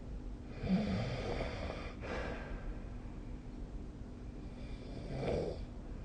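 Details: Snoring during sleep: rough, rattling snores on two breaths with a snort-like break between them, against steady room hum.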